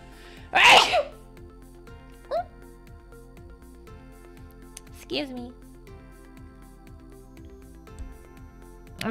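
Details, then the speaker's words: A single loud, forceful, scream-like sneeze from an adult woman, followed by brief vocal sounds over soft background music. "i don't have girly sneezes i sound like like i'm screaming when i sneeze"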